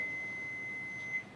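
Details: Single steady high-pitched electronic tone about a second long as a training AED is switched on, before voice prompts to apply pads, during CPR and AED training; AED prompt beep.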